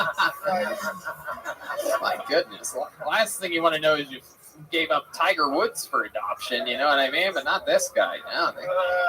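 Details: Adult male speaker; typical speech.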